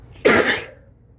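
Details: One sudden, explosive, hissing sneeze, slightly muffled, into a mask during a cold, one of a long run of repeated sneezes.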